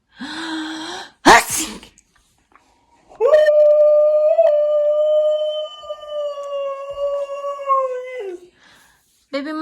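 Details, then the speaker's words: An adult with pollen allergy fake-sneezes in front of a pet husky: one sharp, loud fake sneeze followed by a long, steady howl from the dog, which reacts to sneezes. "Mama's okay Mama just allergy Mama's fine it's just allergy"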